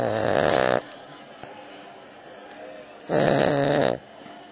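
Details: Kelly snoring: two loud, rattling, snorting snores with a quiet pause between them, with faint room noise.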